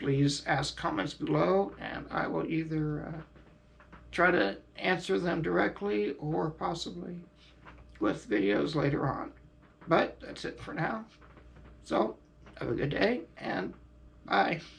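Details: Adult man, quadriplegic from high-level spinal cord injury, on ventilator and diaphragm pacemaker via tracheostomy button; devices irritate his throat and prolonged speaking is difficult; ventilator-dependent speech with tracheostomy.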